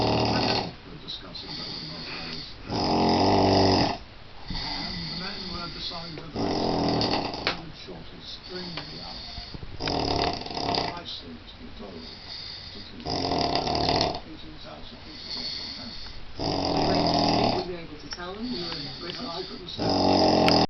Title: Incredibly loud snoring